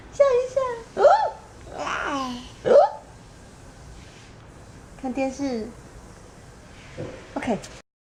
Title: Funny hiccup